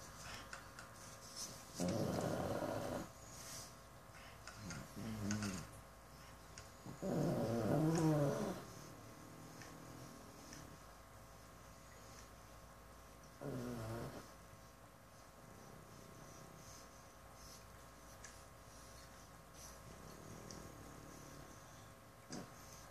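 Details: A pug in deep sleep snores in loud, rattling bursts, some sounding remarkably human, with quieter breaths between.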